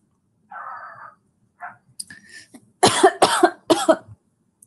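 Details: Three loose, harsh coughs in quick succession after throaty noises, from a sick, congested, tired person livestreaming who suspects flu (someone else has the same symptoms); cough.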